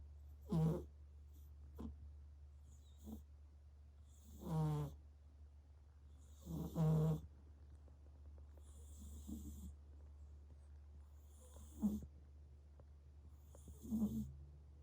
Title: Snoring cat- Stitch